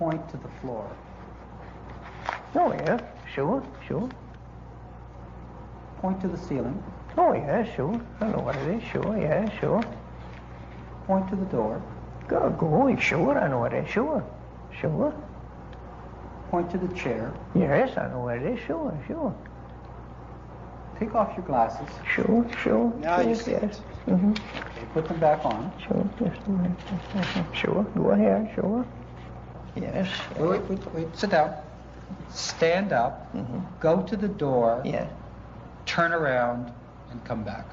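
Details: Patient describing the cookie jar picture; non-fluent aphasia with reduced speech rate, good comprehension, poor repetition and naming; lesion in the posterior inferior frontal lobe; Broca's aphasia.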